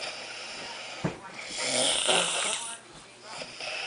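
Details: Snoring in a sleeping brother: loud, harsh, rattling breaths with a rough snort-like intake, a weird nasal sound on breathing in, over faint room noise.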